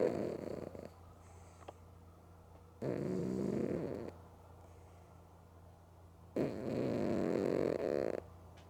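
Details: Female cat snoring loudly while sleeping with both eyes open: loud rattling snores about every three and a half seconds with quiet pauses between breaths.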